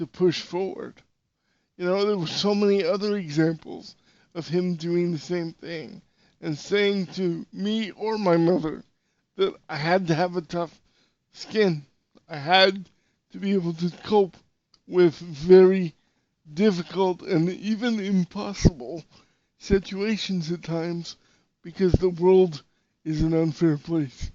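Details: Dysarthria in an adult male podcast host with severe cerebral palsy.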